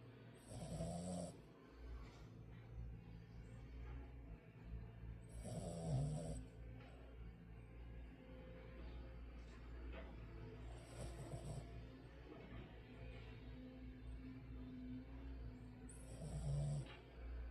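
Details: Soft, slow snoring from a sleeping female dog, about 12 breaths a minute, with faint background sounds.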